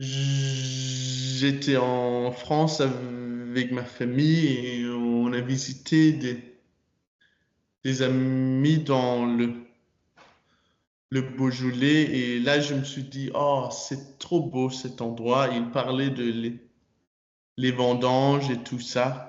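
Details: Man, French-speaking student, who stutters; stuttering.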